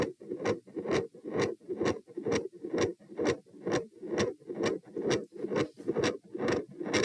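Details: Stethoscope probe moved through aortic, pulmonary, Erb's, tricuspid, mitral, then aortic areas: regular beats, continuous scratchy whooshing between them, brief click near S2; murmur focused and extra sound only at aortic area; sound drops on sitting (possible PFO, uncertain).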